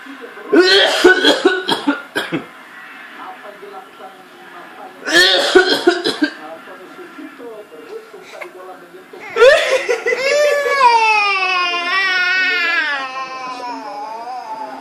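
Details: A father, suddenly unable to hold back his cough while playing with his young child, gives two clusters of rapid, harsh coughs; the child then gives a rising, sustained cry.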